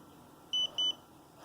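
Two short high electronic beeps over quiet room noise: the insulin pod's tone signalling that priming is complete.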